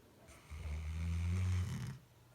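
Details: Bloodhound napping on the couch, snoring: one deep, low, rumbling snore lasting about a second and a half.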